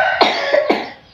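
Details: A child sick with a cough and cold gives a short burst of about three wet coughs close together; cough.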